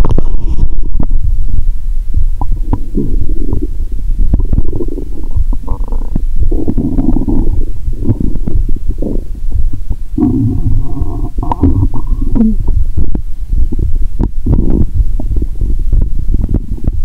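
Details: Bowel sounds (borborygmi) from the upper abdomen, heard by stethoscope after drinking cola with Mentos, stomach painful, relaxed and sleepy: continuous low gurgling and rumbling with bubbling runs of gas and fluid; the sounds are also audible without the stethoscope.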